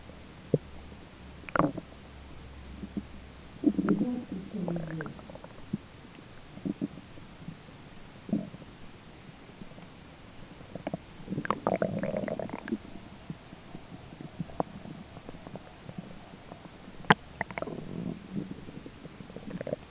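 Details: Person's own stomach grumbling during digestion: gurgling, bubbling rumbles in irregular bursts (normal bowel sounds, borborygmi), with a roommate talking in the background.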